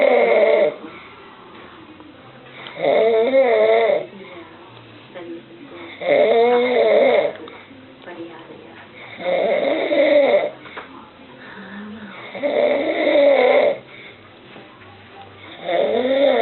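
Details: Loud, regular snores on each in-breath, about 19 a minute, with quiet out-breaths between, from a father sleeping; heavy snoring.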